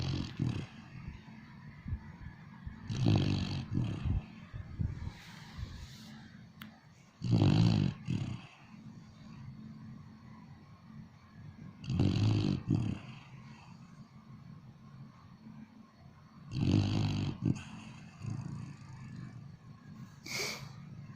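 Deep, rumbling snores recur about every 4.5 seconds, roughly 13 a minute, each with a rattling noisy edge; a sleeping dog snoring.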